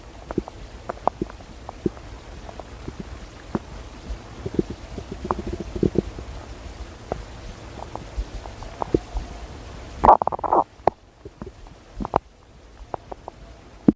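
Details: Child's stomach growling: frequent soft gurgles and pops from the abdomen, with a louder rumbling burst near the end; borborygmi.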